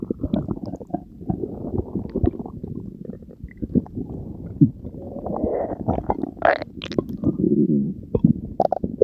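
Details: Belly gurgle ASMR recording after drinking Diet Coke with Mentos: ongoing churning, bubbly stomach gurgles with occasional louder squelches, ordinary digestive bowel sounds.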